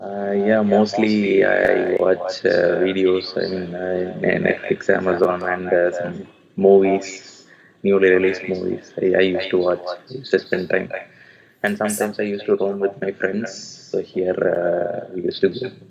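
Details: Adult male with puberphonia (previously high-pitched, female-like voice, sometimes dual voice), speaking live after online voice therapy; pre-therapy recording 4 Nov 2020, this recording 14 Nov 2020; restored low male pitch; puberphonia after voice therapy.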